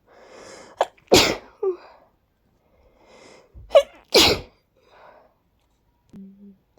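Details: Follow-up to a stifled sneezing fit, sneezes growing stronger and harder to control: two short, forceful sneezes, each after a quick in-breath, then a brief voiced sound in a quiet room.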